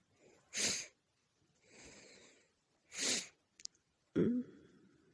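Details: Female sneezing at night with a tickling nose, messy: three sharp, explosive sneeze bursts with softer breathy intakes between, in a quiet room; low audio quality; sneezing.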